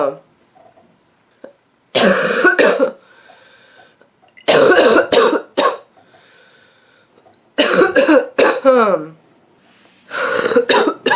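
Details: An adult woman with a nonstop, nasty barking cough: four harsh fits of two or three coughs each, with brief quiet breaths between.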